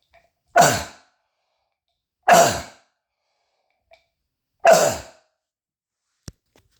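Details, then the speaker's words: Adult's self-recorded cough sound test, described as croup cough and bronchitis with a throat tickle: three loud, harsh, sharp seal-like barking coughs in a quiet room, so loud they sound like screaming. "that's how the way I cough and it's very loud and people can hear me and that's what makes it sound like I'm screaming but I am not"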